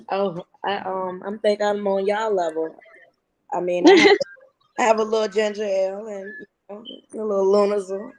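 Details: Adult woman speaking; normal voice.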